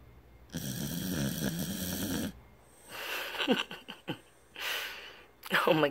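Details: Very loud snoring during sleep: rough, rattling snoring breaths with snorts between them over a little background noise; snoring.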